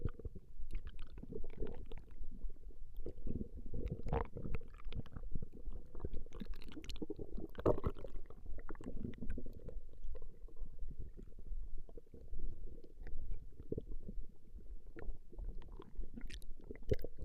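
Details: Recording of a woman's stomach growling: continuous low gurgling and rumbling with irregular bubbling surges; ordinary borborygmi.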